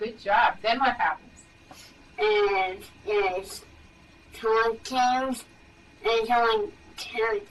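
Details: Dysarthria in a male, a motor speech disorder from weakness of face, tongue, lip or jaw muscles, with decreased breathing support and spasticity; comprehension and intelligence are good.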